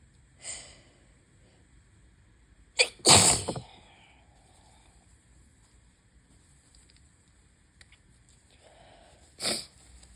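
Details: About three sneezes, one loud and forceful, with quiet gaps, on a bad allergy day with high pollen and an open window: repeated sneezing from allergic rhinitis.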